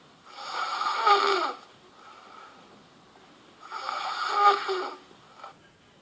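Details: Welsh woman snoring in her sleep, recorded over a two-hour night: two long, raspy, fluttering snores on the in-breath with quiet pauses between, showing steady snoring.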